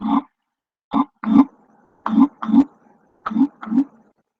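Four pairs of quick, low-pitched, hollow taps with short gaps between them: a resonant percussion note, as over healthy lung.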